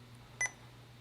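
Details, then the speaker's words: Quick pair of short electronic beeps over low room hum as an IV infusion is programmed before pressing start; infusion pump keypad beeps "all right and then all you have to do is hit start"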